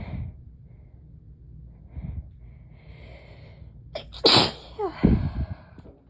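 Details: Adult lying down to rest after work: quiet breaths build to a sharp, explosive sneeze followed by further sneezy bursts; a sneezing fit.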